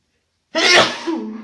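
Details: Person with a stuffy nose sitting in a steamy bathroom gives a single loud, explosive sneeze with a brief voiced tail; sneezing.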